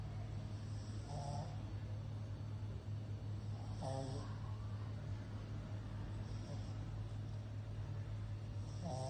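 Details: A pug snores with a steady low rumble and a short whistling snort about every two and a half seconds, roughly 23 breaths a minute: snoring.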